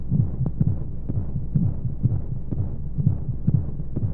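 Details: Womb sound played as a baby sleep aid: muffled, fast, soft throbbing beats with regular rhythm under a steady low rushing white noise and flowing sounds; heartbeat.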